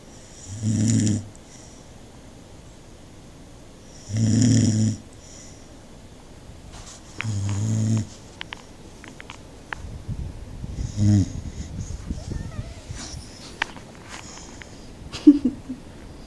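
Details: Snoring: three low, rough snores about every three seconds, then faint shuffling and small noises.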